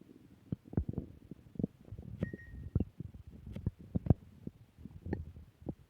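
Low gurgling rumbles and irregular bubbly pops from the belly in a quiet room; ordinary stomach growling from gas and fluid moving through the gut.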